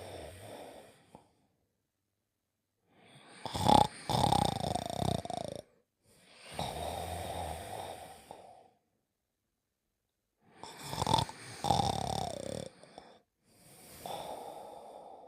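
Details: Simulated cartoon snoring sound effect from an animated character: throaty in-breaths alternating with whistling out-breaths, with silent gaps between them.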